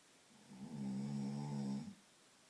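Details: Adult man (the recorder's father) snoring: one steady, droning low snore of about a second and a half in a quiet room.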